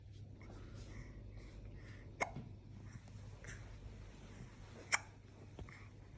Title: DAILY DOSE OF CUTENESS,toddler hiccups